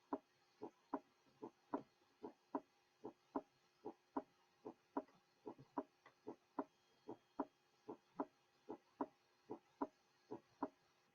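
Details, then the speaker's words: Normal first and second heart sounds, lub-dub pairs, first sound slightly lower in pitch than the second; normal cardiac auscultation teaching recording. "Normally, the first sound is slightly lower in pitch in comparison with the second sound. Clarito, auscultación cardíaca normal."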